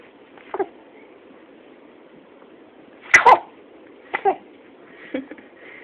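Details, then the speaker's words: Four short, sharp nasal sneezes over about six seconds, the loudest in the middle, from a small animal in an otherwise quiet room; repeated sneezing. "Oh, bless you, baby. Oh, bless you again. Bless you again."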